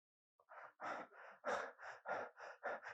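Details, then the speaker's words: Adult imitating normal infant periodic breathing in deep sleep: breaths at the usual rate, a pause of a few seconds held breath, then a quick run of compensating breaths. "in deep sleep what happens is the babies breathe at that particular rate and then suddenly the baby may hold their breath for a few seconds and then start compensating for it after uh after a pause"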